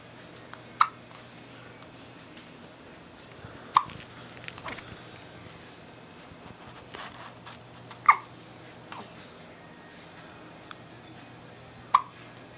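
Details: Baby girl lying in her basket with hiccups: brief sharp catches of breath repeating every few seconds, about four in twelve seconds, against quiet room noise; baby hiccups.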